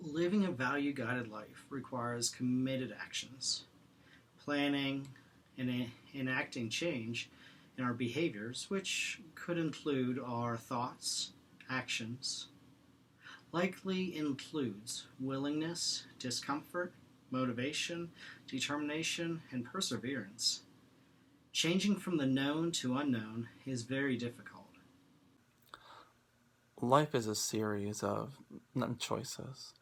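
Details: Stuttering in a man who stutters and is using Acceptance and Commitment Therapy, with pauses and blocks between words.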